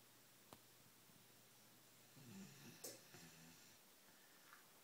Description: English Mastiff Puppy Snoring as Chihuahua tries to sleep next to him.